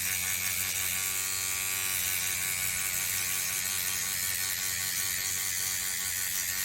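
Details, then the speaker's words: Professional microneedling of a client's cheek after lidocaine removal, with tissue stretched and the pen moved slower as it works harder into the dermal layers. Steady high-pitched buzzing whir of the motorized microneedling pen. "Just go slower. If the pin's working harder, it means it's getting deep into those dermal layers."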